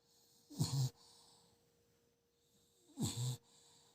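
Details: Dog snoring while asleep: two short, low, snorting snores about 2.5 seconds apart, with a faint steady hum behind.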